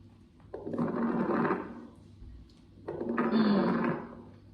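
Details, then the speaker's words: Chest recording replayed by medical students studying for a respiratory examination OSPE: two breaths with faint, fine popping over the breath noise; fine crackles, distinguished from coarse crackles. "Fine ക്രാക്കസ്. ഫൈനും ക്രോസും തമ്മിൽ വ്യത്യാസം വന്ന ഇത് നോക്ക്. പോപ്പിങ് sound."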